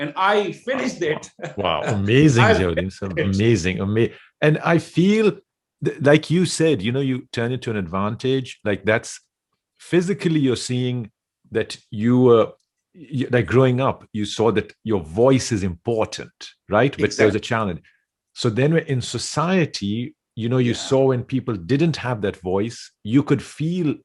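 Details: Adult male speaker; normal conversational speech.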